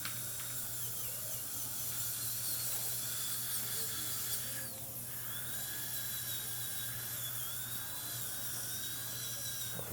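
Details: Whining high-pitched dental drill in short passes, trimming a new filling that sits slightly high in the bite in a patient who is still anesthetized (frozen) and tapping teeth to check.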